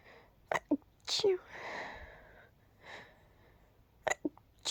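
Several brief, muffled bursts with a soft breathy release between them: stifled, quiet sneezes.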